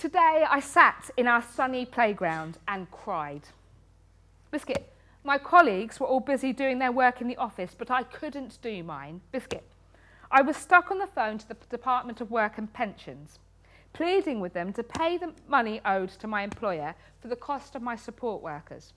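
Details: Woman in her 30s with Tourette syndrome since age six, a spectrum condition, with frequent involuntary word tics and coprolalia (obscene tics); Tourette syndrome vocal tics.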